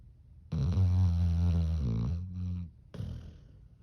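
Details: Dog snoring loudly: a long, deep, buzzing snore on the in-breath followed by a shorter rasp.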